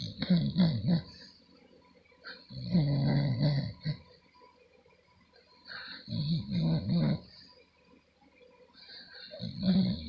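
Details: Girl fast asleep, snoring heavily: four loud, deep, rattling snores about every three seconds, roughly 18 a minute, with quiet pauses between them.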